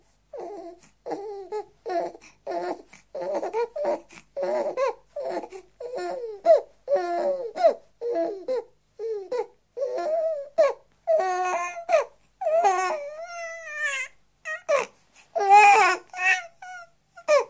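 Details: Six-week-old baby boy crying (1984 sound-library recording): repeated short rhythmic cries growing louder and higher-pitched toward the end; ordinary young infant cry.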